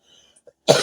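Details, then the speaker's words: Single abrupt, harsh cough burst after near silence from an adult who has been ill, apologizing for being sick. "I apologize for something I shouldn't be apologizing for, which is getting sick."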